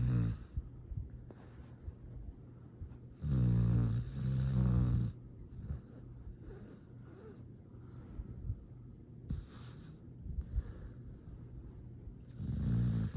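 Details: Sleeping dog snoring: soft, low rumbling bursts separated by quieter breathing; ordinary, sweet snoring.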